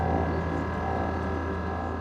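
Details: MR-guided focused ultrasound ablation, heating above 55 degrees to make a brain lesion, in a patient with 17 years of essential tremor: a steady, low, droning machine hum with layered tones.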